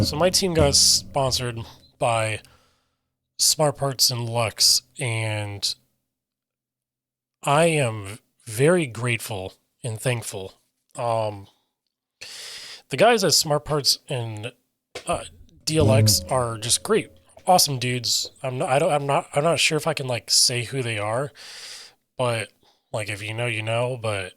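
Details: Adult male with self-reported aphasia: difficulty articulating intended meaning and getting words out, sometimes substituting words then trying to get back to the intended one, describes his own speech as scattered; aphasia.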